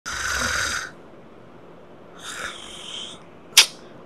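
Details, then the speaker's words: Father snoring loudly in sleep, so loud the neighbours can hear: rough rattling breaths then a sharp snort; family fears he may suddenly stop breathing; snoring. "Bapak ni kalau tidur sampai rumah jiran dengar pendengkur."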